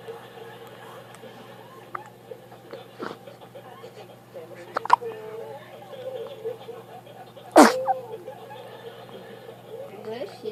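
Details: Newborn on first night home: over soft adult talk, one sudden explosive burst; a sneeze (the recording is labelled as hiccups).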